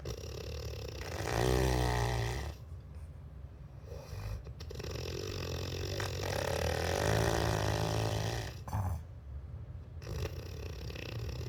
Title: Snore sounds like a truck on manual and gear sucks